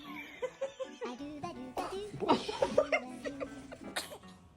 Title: Newborn sneezing 🤧